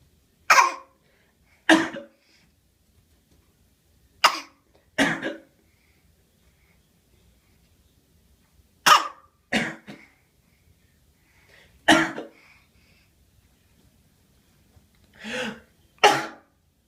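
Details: Infant's deliberate fake cough, straining hard: about nine short, forced coughs in seventeen seconds, not from illness.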